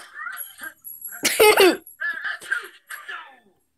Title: Donkey sneeze 1